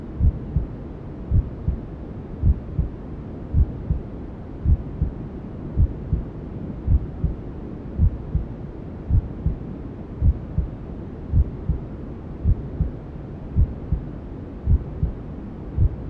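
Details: Newborn sleep-aid womb sounds: steady muffled maternal heartbeat, about 54 beats a minute, with constant hushing white noise and other sounds from inside the mother's belly.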